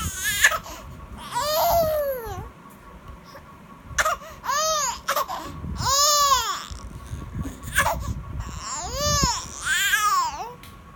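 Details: Infant crying on seeing a stranger's face: repeated rising-and-falling wails separated by brief breaths.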